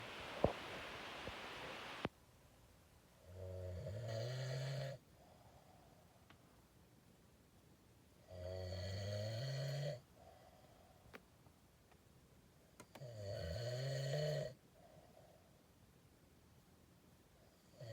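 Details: Loud, vibrating inspiratory snores from a man, about every five seconds (roughly 13 a minute) with quiet pauses between; heavy snoring.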